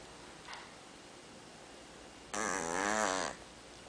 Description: Check out my cat Danny snoring